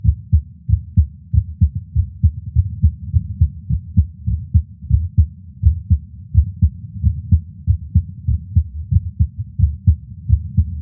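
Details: Adult's own heart at rest, heartbeat audio recorded separately from an echocardiogram: steady, regular low thumping with no added sounds, a normal resting heartbeat.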